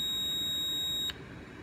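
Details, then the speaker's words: Steady high-pitched electronic alarm tone for about a second from a finger-probe heart rate monitor with a set range of about 60 to 140 or 160, sounding when a finger test gives a heart rate outside that range. "it's a very high some very soft heart rate so you can see it sounded the alarm"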